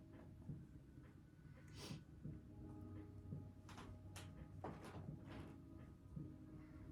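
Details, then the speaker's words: During a respiratory exam of a female patient, percussion over all the back chest fields gives several dull, low tapping thumps with nothing abnormal noted: normal chest percussion. "Okay, percussion is done. Nothing noted there."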